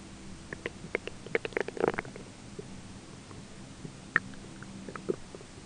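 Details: Ordinary belly grumbling during digestion, with a roommate talking faintly in the background; bursts of gurgling and bubbling clicks, densest in the first two seconds. Bowel sounds (borborygmi).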